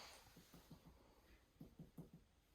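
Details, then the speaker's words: Abdominal percussion during a physical exam, tapped systematically over the four quadrants: soft paired finger taps giving a hollow tympanic note, with dullness expected over organs; heart rate 72, respiratory rate 16, normal. "And here, which we do, we should hear tympany, and then we'll hear dullness over organs."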